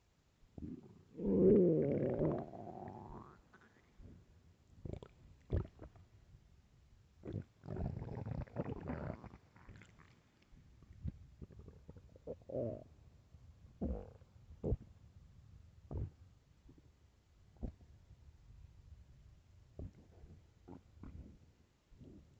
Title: Loud starving stomach growling (HEADPHONES 🎧)